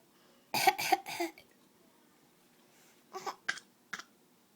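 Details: Young child gives a run of three harsh coughs, then a few softer ones, made on purpose as a learned trick.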